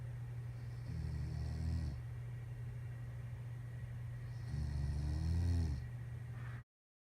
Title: Snoring